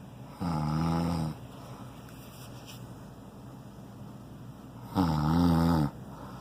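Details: Man snoring loudly while asleep: two loud, rough, buzzing snores on breathing in, with quiet pauses between; ordinary loud snoring.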